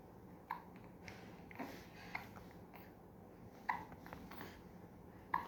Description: Two month baby get hiccup.